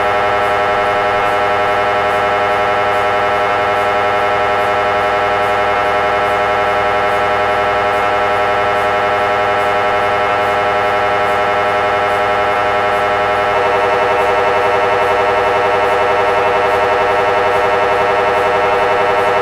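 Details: MRI scanner noise: loud, steady, rapidly repeating electronic buzzing and knocking at about 220 pulses a minute, typical of a scan in progress.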